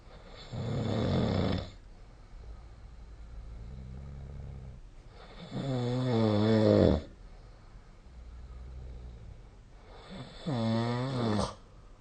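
Three loud, rough, rattling snores on the in-breath, with quieter out-breaths between, at about 15 breaths a minute. Snoring during sleep.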